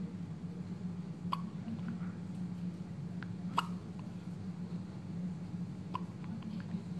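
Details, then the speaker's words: Newborn baby on the night of birth with hiccups: short, sudden hic sounds recurring irregularly, about four in seven seconds, over steady room hum. "See you hiccuping outside instead of in the tummy."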